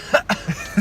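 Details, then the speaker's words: Adult imitating a cinema-goer's loud, cackle-like cough disguised as a laugh: a quick run of short, laugh-like cough bursts. "There was a person in front of me in Huh? the film who had a really bad cough, but it was a really loud one."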